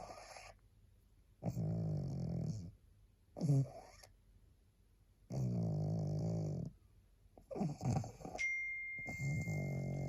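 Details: Very tired pug, a small flat-faced dog, barely able to hold her head up: loud, rattling snores about 15 a minute, some long and some brief snorts, faint steady room tone.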